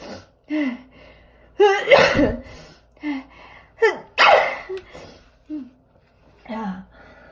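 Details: Allergy sneezing, at its worst, with nose blowing: two forceful high-pitched sneezes, each with a sharp breath in before the burst, among short breathy sounds in a quiet room.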